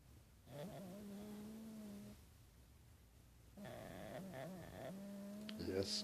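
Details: Sleeping opossum (marsupial) snoring loudly: two long, steady, low-pitched rumbling breaths with a droning tone, separated by a quiet pause.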